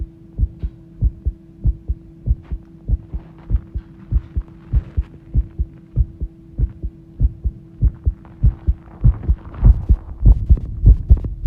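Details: Recorded heartbeat after the heart started pounding, described as thudding rather than racing: regular, strong low beats at about 98 per minute over a steady background hum, a fast heartbeat.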